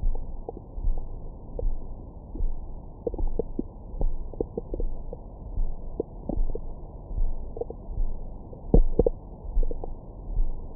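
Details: Belly recorded with a Stemoscope stethoscope microphone after a large meal: soft low rumbles with scattered brief gurgles and squeaky pops. Active bowel sounds of normal digestion.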